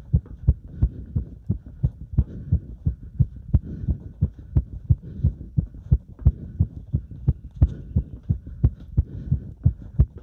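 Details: Heart sounds recorded during step exercise: fast, regular low thumps, roughly 90 beats a minute, with faint breathing noise; normal heart quickened by exercise.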